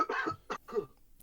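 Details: Coughing during a remote online call recorded in March 2020: about three short, harsh, slightly voiced cough bursts in quick succession, faint and picked up at a distance in a small room. A plain cough.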